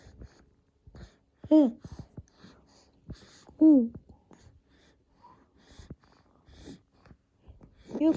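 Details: Two-month-old Japanese baby boy with hiccups: short, sharp voiced catches recurring every couple of seconds amid soft baby sounds.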